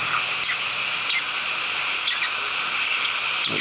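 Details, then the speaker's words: Steady high-pitched high-speed dental drill whine, dipping as a number one bur indexes, then cuts vertically, through the mesial triangular fossa of a crown. The crown is on a lower left first molar with failed root canal treatment and a distal-root abscess. "so the first step is I take a number one highspeed bar and index it and uh then I go back and vertically"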